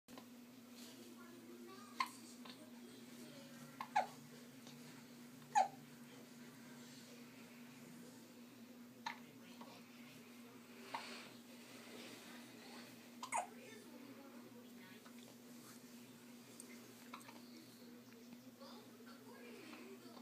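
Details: Soft, brief, irregular hiccup sounds, several over twenty seconds, over a steady low room hum.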